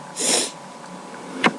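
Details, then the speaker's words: One hissing, breathy sneeze followed by a brief sniff-like burst in room noise, part of a spontaneous sneezing fit caused by a tickling nose, with no allergies present. "I felt this random sneezing fit coming along, so I decided to record it. My nose just tickles a lot, so so I'm sneezing."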